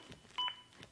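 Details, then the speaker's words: Single clear beep from a ZOLL AED Plus CPR metronome resuming after two rescue breaths, synchronized to chest compressions and pacing at least 100 a minute in a demonstration; CPR metronome beep. "the beeps begin again and are synchronized to my compressions and again speed me up to at least 100 compressions as recommended by the American Heart Association"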